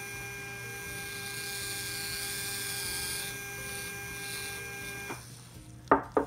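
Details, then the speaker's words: Simulated immediate implant in an artificial mandible: initial drill in a molar extraction socket, drilling to 12 mm for a CeraRoot 16 zirconia implant; steady high motor whine for about five seconds, then stopping, followed by a few short clatters. "So the drilling direction is correct. And we keep on drilling. Again, we're going to drill 12 mm."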